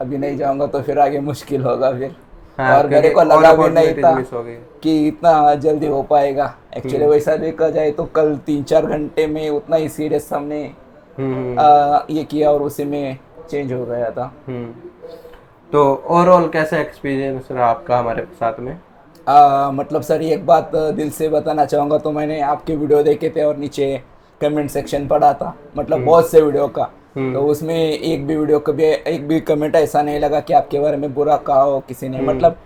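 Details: Puberphonia in an adult man, now 30, with a high-pitched voice since puberty (around age 15-16) that was never treated; recorded before treatment.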